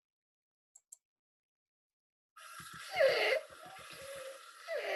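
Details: Child with croup, quite unwell, with chest retractions and some paradoxical breathing: harsh, high-pitched, crowing noisy breaths of inspiratory stridor.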